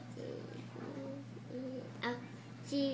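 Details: Speech of a profoundly deaf boy just turned three with bilateral Cochlear Nucleus Freedom implants (simultaneous surgery), hearing just over 2 years with the right implant and 22 months bilaterally, singing with his mother.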